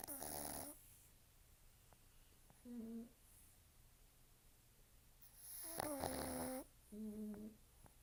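Loud rattling snores alternating with softer nasal snorting breaths, irregular rhythm, in a quiet room; snoring in short-nosed dogs.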